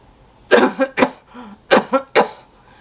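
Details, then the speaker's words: Demonstration of a staged cough by an adult nurse recovering from COVID-19 pneumonia: a deep breath let out in several short steps, then forceful coughs to clear airway secretions. "The other type of coughing that I really liked is it's kind of, you take a deep breath and then you let it out just a little bit at a time, 3 times, and then it kind of stimulates a cough at the end."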